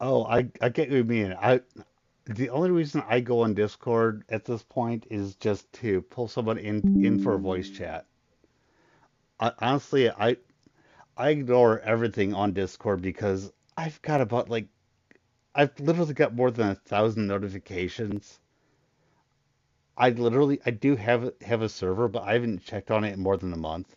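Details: Stuttering in an adult male streamer with a very large stutter, partly controlled after extensive voice therapy, still present.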